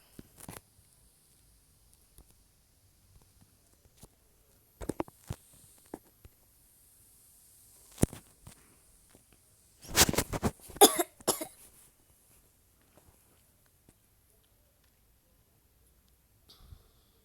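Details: A short cluster of sharp, harsh coughs from someone who accidentally swallowed water the wrong way during a screen recording. Cough after aspirating water.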